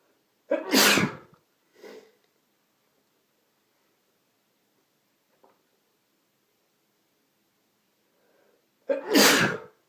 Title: Allergy Sneezes (M)